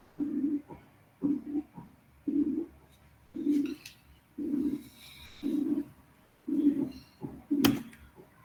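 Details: Simulated medium-pitched systolic flow murmur, synthesized from a frequency band to illustrate increasing harshness with wider bands.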